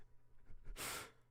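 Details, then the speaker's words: Single sneeze from an adult man while talking: a brief catching inhale, then one loud, forceful, hissing sneeze burst, described as weird-sounding because it came mid-speech. "I'm about to sneeze I'm going to let it rip that was a weird sounding sneeze it was because I was talking um I was talking mid"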